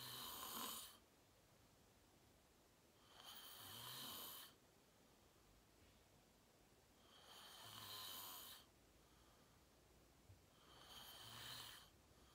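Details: Real self-recorded sleep; person fell asleep fast, around 8:45, and slept deeply, reportedly REM. Loud, rattling snores on each breath in, about 19 a minute, with quiet gaps between. Typical snoring during sleep.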